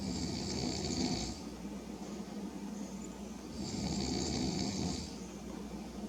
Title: ... you snooze (and snore) you go up on youtube.